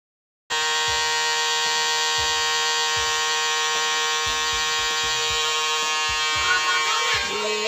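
Steady high-pitched electrical buzz of a running nebulizer, with faint clicks and thumps in the background.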